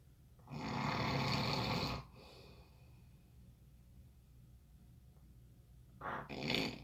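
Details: Snoring: a loud, harsh, rattling snore on a long breath in, a quiet pause, then the next snore begins.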